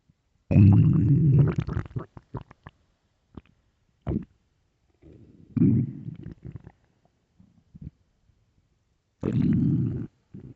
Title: am I hungry? (stomach growls)